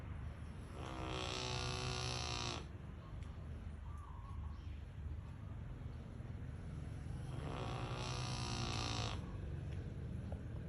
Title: Rottweiler Dog snores very loud. [Fat Rottie Toom] เจ้าทึม ร็อตไวเล่อร์นอนกรน